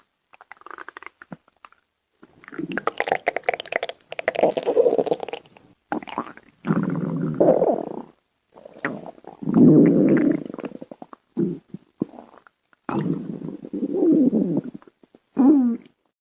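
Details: Irregular gurgling and rumbling bursts from the abdomen: stomach growling (borborygmi).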